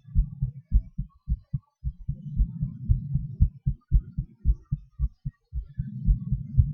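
Strong, regular low heartbeats at about 113 a minute, with the pace speeding and slowing during breath-holding and panting; normal heart sounds.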